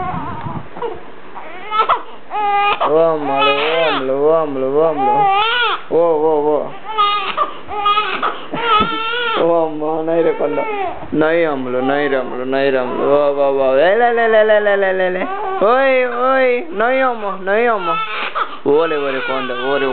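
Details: Four-week-old baby girl crying while someone tries to calm her: sustained, rhythmic wailing infant cry with wavering pitch.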